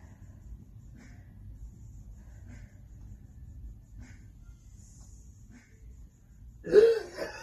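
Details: Involuntary gasp in a woman with lingering symptoms after testing positive for COVID-19 in April, with extreme fatigue after exertion, preceded by chest pain: after quiet room noise, one sudden sharp voiced gasp.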